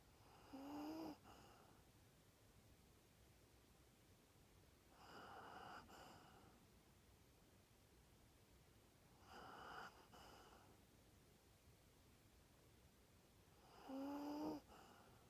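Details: Sleeping rat terrier dog: four soft, rasping snores with a faint whistling edge, about 13 a minute, steady between breaths; snoring.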